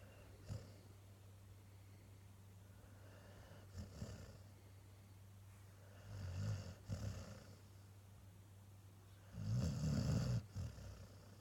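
Low, rumbling snores from a sleeping dog, some soft and some louder and snorting, over a steady hum.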